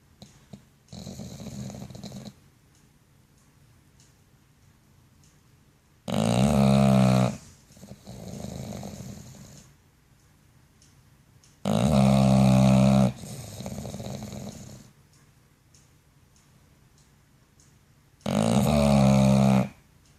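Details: Sleeping bully-breed dog snoring: loud rumbling snores on each in-breath, about 10 breaths a minute, with softer breathy out-breaths between them.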